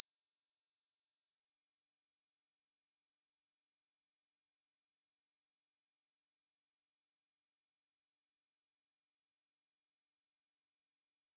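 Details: Synthetic 5000 Hz pure tone from a tinnitus frequency-matching test meant for headphones at low volume: a steady high-pitched tone that steps up once in pitch; test tones, not recorded tinnitus.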